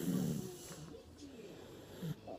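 Low rumbling breath noises during sleep in a small child, a short snoring sound.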